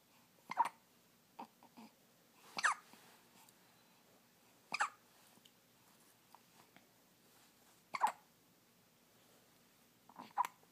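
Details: Newborn hiccups: soft, abrupt catching sounds every two to three seconds, about five in ten seconds.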